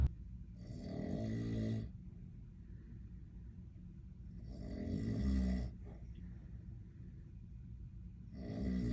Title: My dad snoring while on vacation for exactly 5 minutes and 27 seconds